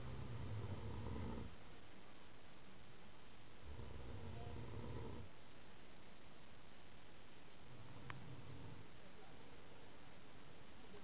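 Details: A sleeping person snoring: three low, rumbling snores a few seconds apart over a steady background hiss.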